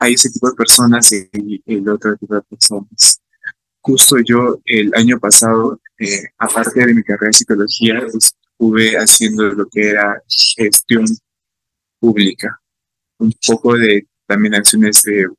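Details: Adult male psychology student from Peru who stutters and is a stuttering-association activist, giving a real Spanish-language talk about his own experience at a stuttering festival; stuttering.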